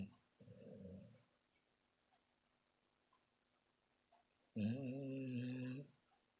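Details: Leah snoring while sleeping, possibly dreaming: two rough, rattling breaths separated by quiet pauses, one short and soft, one longer and louder; she is then called to wake up.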